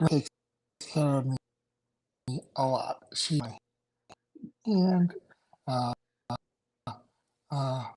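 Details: Aphasia in an adult male after two strokes in November 2017, including a hemorrhagic stroke, with short-term memory problems, right-sided weakness, an unusable numb right hand and ten seizures since the stroke.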